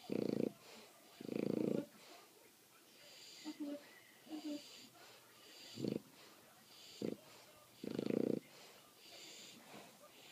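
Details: Bulldog sleeping after the dog park, snoring: loud, rough, rattling snores in repeated bursts with snorting sounds between them.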